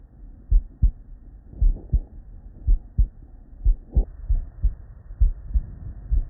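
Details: Real, unedited bedside auscultation of a human with normal cardiac physiology: steady paired lub-dub beats, low thuds, no extra sounds between them; normal S1 and S2.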